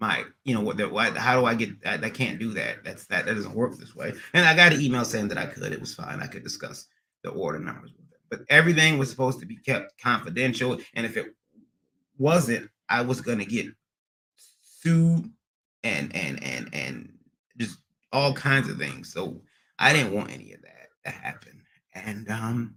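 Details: Adult man with stuttering after a recent transient ischemic attack; MRI and another scan showed a little damage; under a neurologist with physical, occupational and speech therapy; speech not fully recovered, still stutters occasionally almost a year later; acquired (neurogenic) stuttering.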